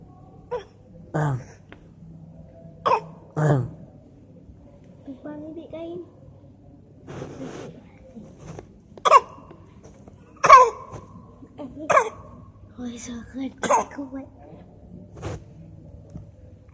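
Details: A young child gives about eleven short, light, forced cough sounds mixed with small vocal noises: an imitated, voluntary pretend cough.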